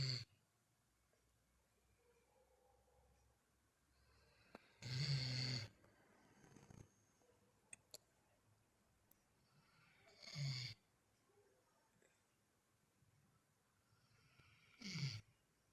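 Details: Three short, low snorting snores spread through a quiet room, about eleven a minute and irregularly spaced; snoring.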